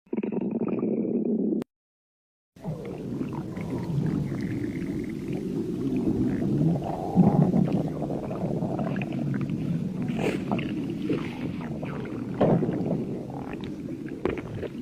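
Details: Low, drawn-out gurgling and rumbling stomach growling (borborygmi).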